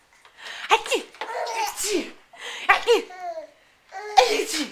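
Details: Fake-sneezing at a giggling child: repeated playful, voiced, sing-song "achoo" sounds with laughter; imitated sneezes, not true reflex sneezes.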